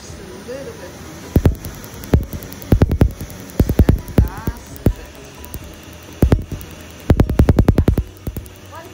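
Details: Laser tattoo removal on a unicorn tattoo on a female shoulder, with an air chiller blowing cold air to numb the skin: bursts of sharp snapping laser-pulse clicks, some in quick runs, over music and a cooling-air hum.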